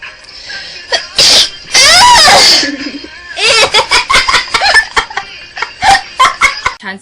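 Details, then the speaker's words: A young woman's loud, sharp sneeze with a voiced wind-up, after she says she needs to sneeze, followed by laughing and chatter. "Oh my god. I'm gonna sneeze. Excuse me."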